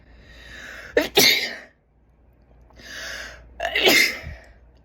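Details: A female sneezes, sensitive from an itchy, sniffly, wet nose over the past few days; the sneezes were easily coaxed out, with gasps, snorts and coughs around them.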